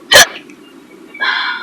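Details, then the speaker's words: Hiccups in a woman driving a car, possibly after salad with beer: a single sharp, abrupt hiccup against quiet car noise, then a brief voiced sound. "this is what happens when you're driving in your car and you get hiccups"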